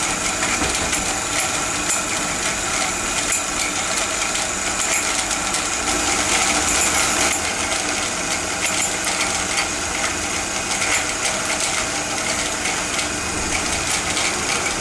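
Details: Dental surgical instrument noise, a steady high-pitched whine with clinking and hissing, during removal of a failed root-canal-treated tooth and immediate dental implant placement.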